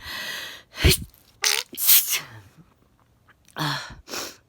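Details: Several sharp, explosive sneezes in quick succession, each with a short gasp before it, plus some sniffling. A sneezing bout.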